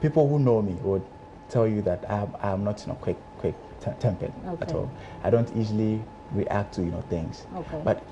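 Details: Adult man who stammers, member of a stammering association, speaking in a televised interview; stuttering.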